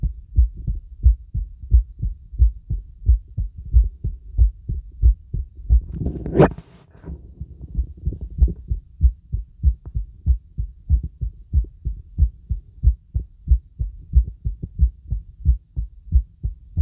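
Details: Normal heart sounds heard with the stethoscope bell on a girl during relaxing full-body auscultation with a real stethoscope: steady, regular low heart thumps with one brief rustle from stethoscope movement.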